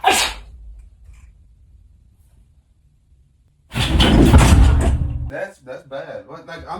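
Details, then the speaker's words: A short sneeze, then a loud, forceful sneeze done as a prank on a partner, followed by talk in a small room; sneezing. "I'm really sorry. >> Was that your spit? >> I sneezed by accident."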